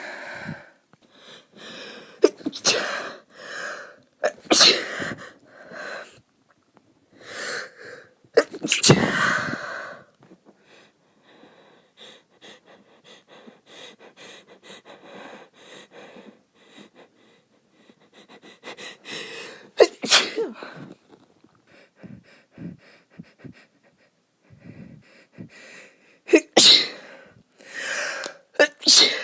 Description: I tried to stifle all of these and many were unsuccessful. Don't know why they were so strong or why my nose is so itchy lately.